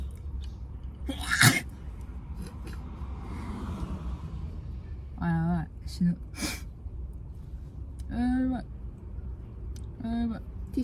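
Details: A single forceful sneeze over steady room hum, described as a relatively unique sneeze, followed by a few short voiced sounds; the sneezer then says their nose is bad.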